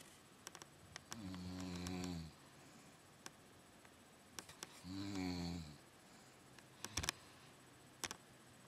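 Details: Adult aunt snoring during night sleep, recorded by her niece: two low, rumbling snores about three seconds apart, with quiet breathing between, faint room noise and clicks.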